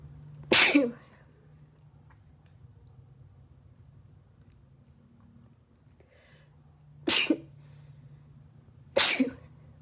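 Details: Three sharp, explosive induced sneezes with quiet pauses between them in a small room: induced sneezing.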